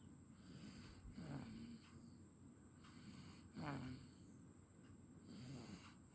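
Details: Soft, rhythmic snoring with a faint vibrating tone, about three breaths in six seconds, over steady room noise; snoring.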